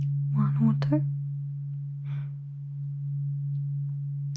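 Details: Role-played ASMR cranial nerve exam hearing test, eyes closed, binaural: tuning fork tone during a one-or-two tuning fork discrimination test.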